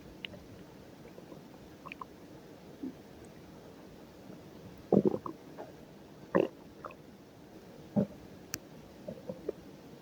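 Scattered gurgling and bubbling abdominal sounds over a quiet background, typical of ordinary stomach growling.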